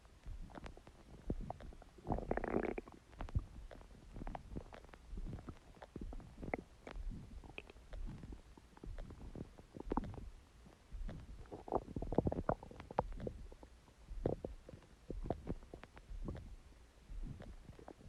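Low rumbling and gurgling bursts from the belly, with louder growls twice; ordinary stomach growling from gas and fluid moving through the gut.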